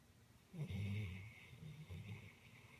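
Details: Low, rumbling snoring breaths with a fluttery rattle, one stronger breath then softer ones, from a sleeping animal; snoring.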